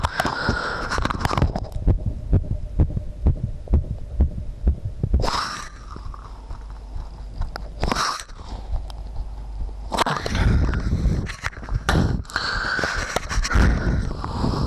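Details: The uploader's own visible heartbeat: regular low heartbeat thumps, partly covered by rustling and handling noise in a low-quality recording; the uploader says their heart was about to stop.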